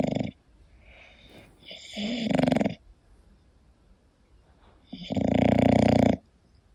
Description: hii, it's Koda, my english bulldog sleeping and snoring, this relaxing video and sound is for everyone and obv for bulldog lovers!